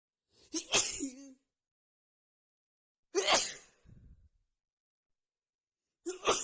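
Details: Nonstop sneezing fit after feeling sneezy all day with a tickling nose: three forceful sneezes, each with sharp in-breath and explosive burst, about every three seconds.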